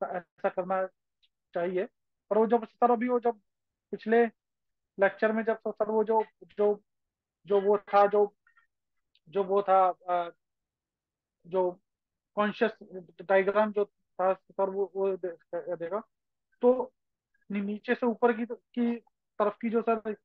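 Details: Participant who stammers, speaking Hindi with word repetitions; stuttering.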